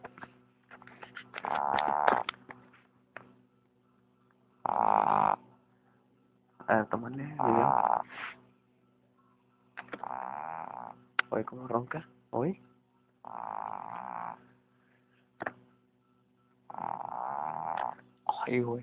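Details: Snoring: repeated nasal snoring breaths in bursts with quiet gaps between them, and soft Spanish talk in the room.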